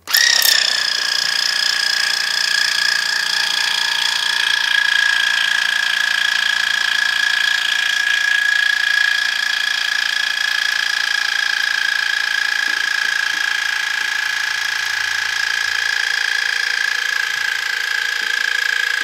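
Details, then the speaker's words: First irrigation of the right ear with a modified Waterpik for impacted hard earwax, both ears blocked four months: steady high-pitched whine with rushing water spray throughout; patient felt sharp pain. "did you want to take this on yeah beginning the first irrigation on the right ear here comes brace yourself"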